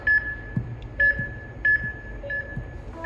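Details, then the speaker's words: Short high-pitched electronic beeps repeating about once every two-thirds of a second over faint room noise: alarm from a Heal Force patient monitor, which can alarm on ECG, SpO2, temperature, blood pressure and respiration. "this is the alarm we can send up ecg spot o2 temperature and bp respiration alarm"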